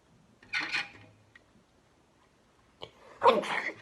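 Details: Sneezing caused by powder inside a face shield: two sharp, breathy bursts about three seconds apart, each with a quick intake of breath beforehand.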